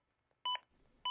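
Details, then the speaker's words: Zoll AED Plus during CPR: two short, steady electronic beeps about half a second apart, a chest-compression prompt from the device, which gives feedback when compressions miss the two-inch target depth. "the AED will let you know every 15 seconds if you don't reach the target CPR depth after being told to push harder"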